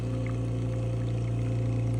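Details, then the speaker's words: Home 5 L oxygen concentrator just switched on, after its loud power-on beep and with the green light on: steady low droning hum, normal running noise. "the white button is just a reset button in case of a surge and the Machine will start making noise and you will see a green light come"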